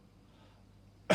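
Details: Adult male patient during an abdominal assessment: after a second of quiet room noise, one sharp, forceful voluntary cough on request, cut off abruptly.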